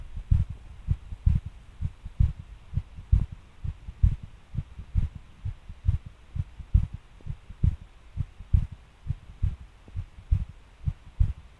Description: Was record while getting off and suddenly could feel the pace change and my heart just started to thump really hard.